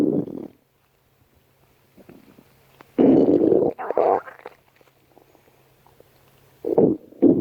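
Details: Stomach growling (borborygmi): low gurgling, rumbling bursts separated by quiet stretches, from gas and fluid moving through the gut.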